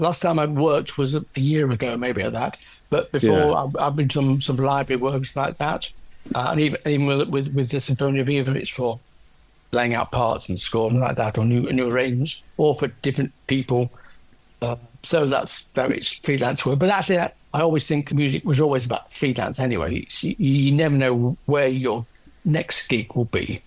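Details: Aphasia in an adult male orchestral percussionist, 10 years after a stroke from a left middle cerebral artery blockage; initially no speech and right-sided weakness, since improved.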